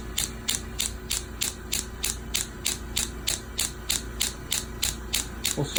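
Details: Radial shockwave therapy machine treating heel pain: steady regular sharp tapping pulses, about three per second, over a low hum.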